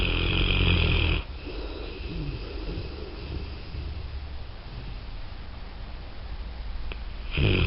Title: Thor snoring